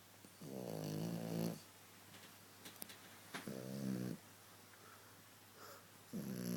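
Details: Napping while people watch TV, snoring louder than anyone: loud, buzzing snores repeating with each breath, about three in the span, against a quiet room hum; snoring.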